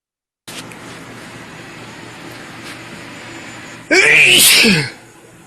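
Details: Adult man with a cold sneezing: quiet room hiss, then one loud explosive sneeze with a sharp intake and hissing burst.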